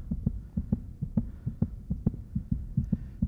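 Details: Simulated pulsatile autophony of right-ear superior semicircular canal dehiscence before surgery, heart rate raised: loud, fast paired heartbeat thumps about 130 a minute heard inside own ear.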